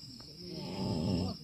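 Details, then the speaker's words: Loud snoring from a very tired person sleeping in a tent beside the recorder, at 12:15 at night while camping on a mountain hike. "I maaf yo [Musik] orang tidur ngorokanter pol y kesele tenanan."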